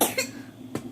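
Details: Croup cough in a young boy ill after recent RSV.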